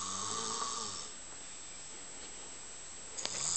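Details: Someone napping motionless on a couch, with rattling, buzzy snores on each in-breath and a quiet pause before the next breath; continuous, never-ending snoring.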